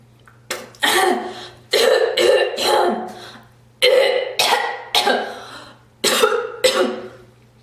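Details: A girl coughs and spits: repeated harsh coughs, roughly nine bursts in pairs and singles, with a throat-clearing quality; coughing.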